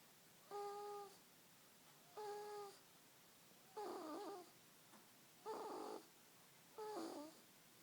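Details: Kayson, a sleeping child, snoring at his grandpa's house: five regular, buzzy, somewhat whistling snores, about one every one and a half seconds, in a quiet room.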